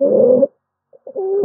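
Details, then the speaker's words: Harsh musical whistling on breaths, separated by a brief pause, audible without a stethoscope in an auscultation training module: stridor from upper airway obstruction. "vous pouvez entendre streeder le stridor c'est un sifflement qui est lié à l'obstruction des voies aériennes supérieures"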